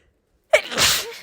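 Silence, then a single sharp explosive burst with a brief voiced onset and hissing tail: one sneeze.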